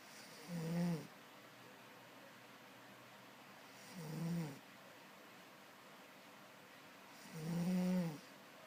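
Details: Three loud, low, rattling snores about three seconds apart, roughly 17 breaths a minute, over quiet room noise while sleeping; loud snoring.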